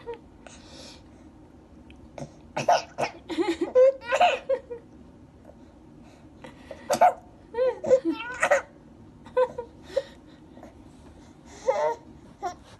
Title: මට ඉක්කා යනවා | Baby getting hiccups